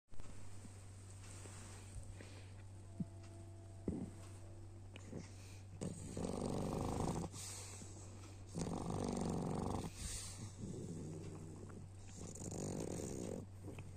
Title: Boo snores while sleeping 😴